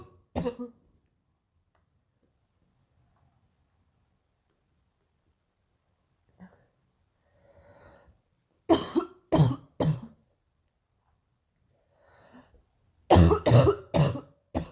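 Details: Harsh cough bursts, a single one then two clusters of three to four, with quiet breaths between; painful morning coughing fits.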